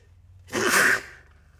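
A single sharp, explosive burst of air lasting about half a second, a typical sneeze.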